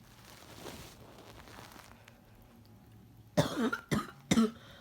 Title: Barking cough